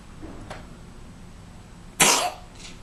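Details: Small cat coughing and choking for several weeks, possibly asthma (no firm diagnosis), later hospitalized on IV: a faint throaty sound, then one sharp, harsh hacking cough in a quiet room.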